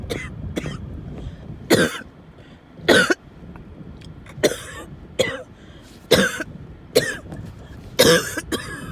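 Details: An adult in a car has another coughing fit of repeated harsh bursts, about ten in nine seconds, described as coughing, wheezing and choking, with car noise behind.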